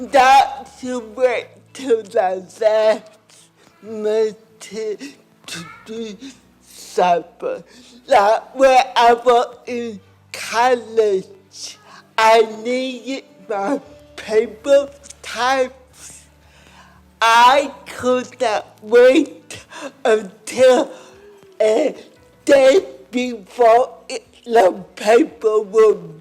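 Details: Adult woman with cerebral palsy and a lifelong speech impairment who first spoke at age four; dysarthria (cerebral palsy).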